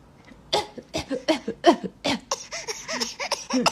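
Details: A 6-month-old baby with a winter cough gives a run of short, harsh coughs mixed with brief high-pitched voiced sounds.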